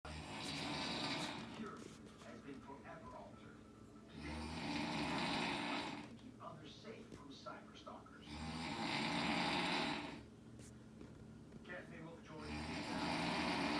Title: My snoring is never boring